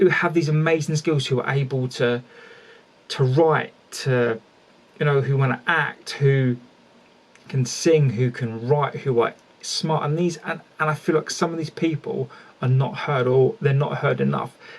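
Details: Adult male speaker; stuttering.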